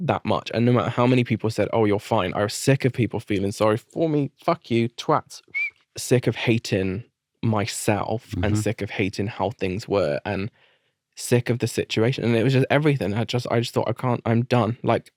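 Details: Adult man with adult-onset Tourette syndrome, diagnosed in 2019 after a seizure, brain tumour and brain damage. Involuntary vocal tics with coprolalia (swearing). He also developed a stammer, treated with 2.5 years of speech therapy.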